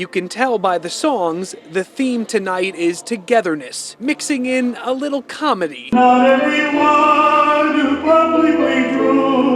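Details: Adult reporter; normal speech.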